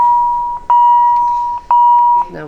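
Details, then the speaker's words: Paediatric and adult defibrillator in a resus training demonstration: a steady mid-pitched beep broken by brief dips about once a second, the alarm sounding on switching to synchronized cardioversion mode, before rhythm recognition silences it. "keep pressing that and that will switch the alarm off for us once we've recognized the rhythm"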